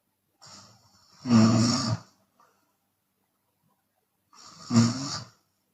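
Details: Open-mouth snoring in a sleeping Chinese woman, with occasional exhalation: two harsh loud snores with a breathy hiss, about three seconds apart.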